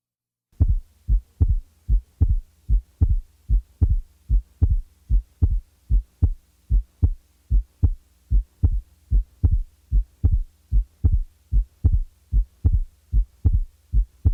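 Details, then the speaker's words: Simulated heart sounds, regular at about 75 per minute, with a widely split second heart sound of 40–50 ms, heard best at the left base with the diaphragm; the split is occasionally removed to compare with normal. "listen to the following widely split second sound the split will be taken out occasionally to allow you to compare the normal with the abnormal"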